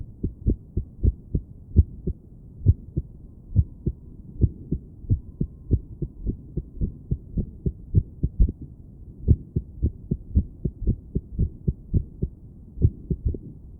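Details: Woman sitting on her bed auscultating her own heart with a stethoscope: firm thumps with uneven spacing, pauses breaking an otherwise steady rhythm. Irregular heartbeat.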